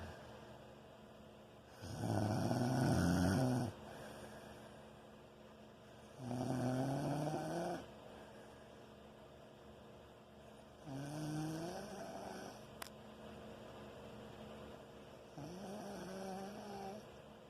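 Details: Heavy snoring that keeps someone awake: loud, deep, buzzing snores rising in pitch, about four breaths in seventeen seconds, over a steady background hum.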